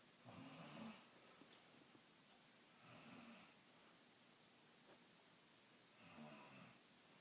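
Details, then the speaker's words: Three rough, rattling breaths in about seven seconds, each a noisy snore with quiet gaps, from a sleeping woman in a small room: snoring. "do you really snore like that?"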